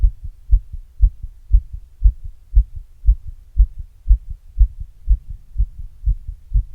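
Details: Own heart sounds after exercise, recorded with an earbud microphone and a glass: normal heart sounds after exercise.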